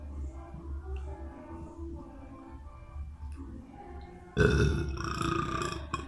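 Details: Boy burping: low room rumble, then a sudden loud, drawn-out burp lasting under two seconds.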